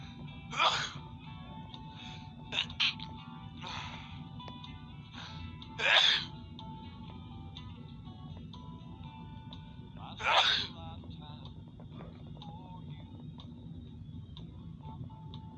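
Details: Man having a morning spring sneezing fit; about five sharp sneezes in quick succession over fifteen seconds with music playing in the background.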